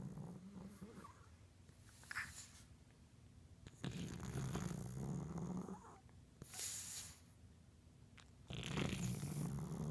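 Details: Sleeping pug snoring: low, rumbling snores alternate with airy, hissing breaths in a slow, repeating cycle.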